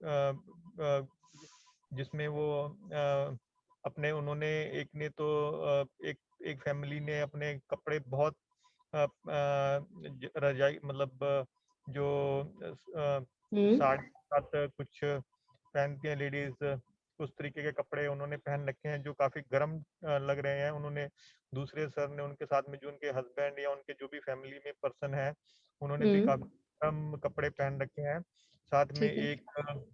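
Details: Adult man with aphasia in an online conversation-practice class with a speech-language pathologist, doing a timed picture-description task; the therapist notes he rushes to finish and has difficulty recalling words: aphasia (word-finding difficulty).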